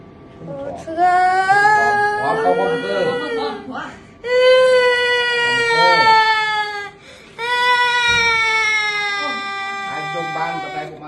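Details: Child crying during ENT earwax removal, told not to move: three long, strained wails with short catches of breath between them, faint room sounds.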